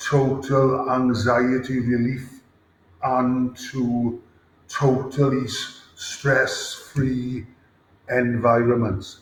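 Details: Adult man, former rugby player, with a lifelong stammer since about age 5-6, described as debilitating, with blocks and worse difficulty under pressure; stuttering (stammering).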